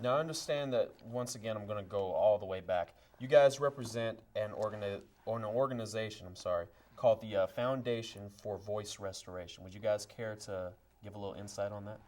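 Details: Adult male; typical speech.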